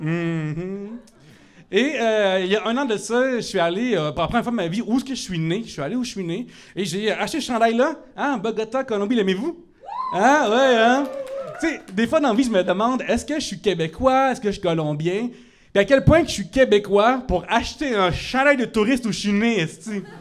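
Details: Adult male whose speech therapist diagnosed cluttering, a rare speech-rhythm disorder making words of four or more syllables hard, and who was also told he stutters; cluttering with stuttering.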